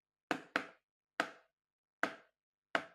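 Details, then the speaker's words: Simulated irregular heartbeat (arrhythmia) played as a demonstration: five sharp, knock-like beats at uneven intervals. "an irregular heartbeat an arrhythmia and these diseases can be devastating scary and some are deadly"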